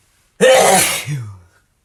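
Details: Male sneezing: a single forceful sneeze, a sharp hissing burst trailing into a short voiced sound.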